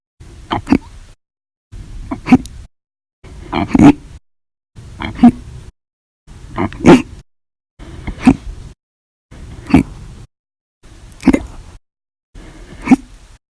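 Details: Nine short, abrupt gulping catches at a steady pace of about 40 a minute; repeated hiccups.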